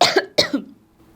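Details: A single cough from a speaker during a spoken class lecture; cough.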